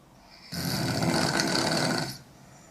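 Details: Young woman snoring: one loud, harsh, rattling snore lasting about one and a half seconds, heard on breathing in, in a quiet room; heavy snoring.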